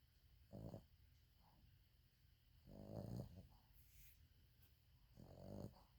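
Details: Sleeping subject recorded on 2020-01-12: quiet, low rumbling snores recurring every couple of seconds, about 25 a minute, with faint room noise between them. Snoring.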